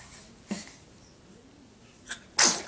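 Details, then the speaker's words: 16-week-old infant, trying to sit up, sneezing: two small sneezes followed by one loud, hissing sneeze within three seconds. "got you oh my go big sneeze huh he's back to Grandma"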